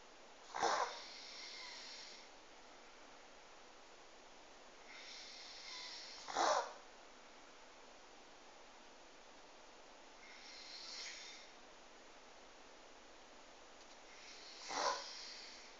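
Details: Small pug reverse sneezing: sharp snorting noises through the nose, each after a drawn-in, raspy breath.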